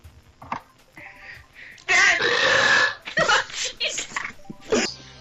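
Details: A loud, rasping belch lasting about a second, with Mario Kart Wii game music and sound effects around it; burping.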